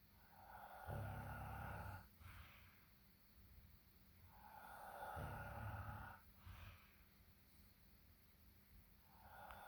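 Soft, regular rumbling snores on each breath, roughly fourteen breaths a minute, over steady room hum; mild snoring.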